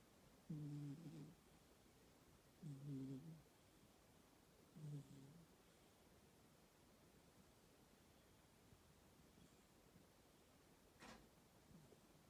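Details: Very tired cat snoring: three soft, low snores about every two seconds, then quiet room noise.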